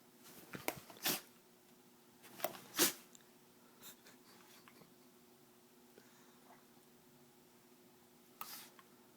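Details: Dog sneezing when excited: a few short, sharp, airy sneeze bursts in a quiet room, about four in nine seconds.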